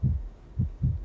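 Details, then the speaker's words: Simulated fetal heart sound from a TV drama scene in which a woman is 28 weeks pregnant: deep, soft rhythmic thumps, about three per second. "เสียงหัวใจเต้นอยู่ในท้องพี่"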